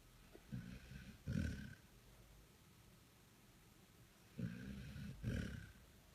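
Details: Dog sleeping on a person's lap on a couch, still snoring even when she opens her eyes: low, rumbling snores with a paired in-and-out noise on each breath, two breaths about four seconds apart.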